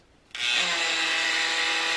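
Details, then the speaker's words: Cast removal from a young child's leg after almost 7 weeks for a broken femur, at a follow-up visit: abrupt, high, steady buzzing motor whine of an oscillating cast saw with a vibrating blade. "I won't catch you just library and that's what it's going to be used to take this cast off now let's show him that this won't tell him it might help because he's going to be a little concerned we do this that's noisy"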